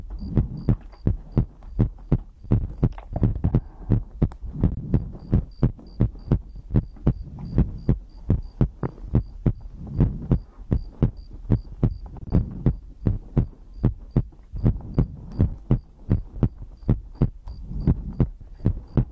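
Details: Heartbeat recorded as an ASMR compilation of the person's own heartbeat and breathing for sleep: loud, deep, thumping lub-dub at roughly 95 beats a minute with a faint steady tone in the background.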